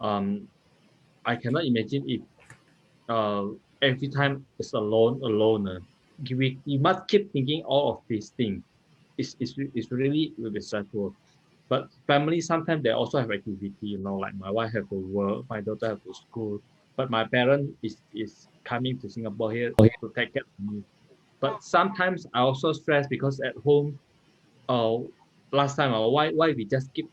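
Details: 39-year-old multilingual man with aphasia and word-finding difficulty after a stroke in March 2019; aphasia.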